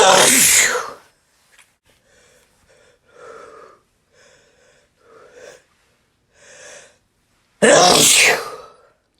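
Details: Person sneezing repeatedly: two forceful sneezes bracketing a series of short catching breaths and soft gasps as another sneeze builds; sneezing.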